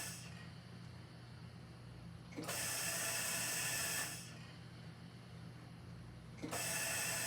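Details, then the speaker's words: Mallard 2800 anesthesia ventilator set to 20 breaths a minute with 1.5-second inspiratory time: hissing gas bursts lasting about one and a half seconds, repeating regularly over a low hum, as the bellows deliver breaths. "so now it's pushing down for one and a half seconds"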